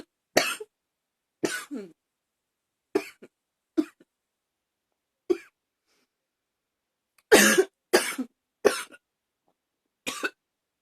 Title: #24 another hard coughing